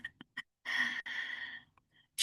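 A sharp, breathy intake of air followed by a longer airy breath, after soft clicks; a brief gasp.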